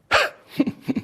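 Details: Abrupt involuntary vocal tics in a police officer with Tourette syndrome, whose tics include laughing, throat clearing, blinking and grimacing: a sudden hiccup-like burst, then two pairs of short grunts.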